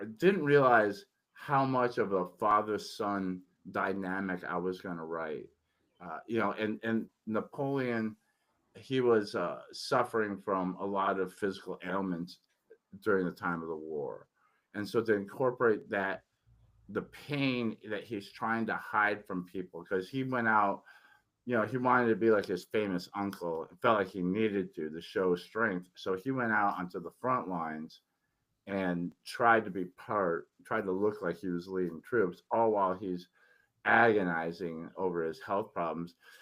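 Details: Adult man recovering from tongue cancer after chemotherapy and radiation, tongue still somewhat swollen, previously unable to speak for a while; articulation impairment after tongue cancer treatment.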